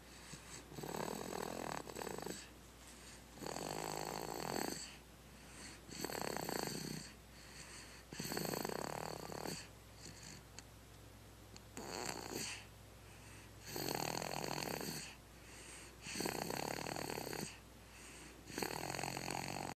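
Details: Rhythmic rattling snores, about eight in twenty seconds (roughly 24 breaths a minute), over a steady low room hum; snoring.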